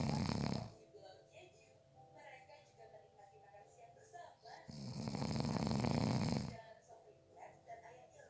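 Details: A person napping gives two loud, rough, low-pitched snores a few seconds apart, with faint music and a quiet room between them: ordinary snoring during sleep.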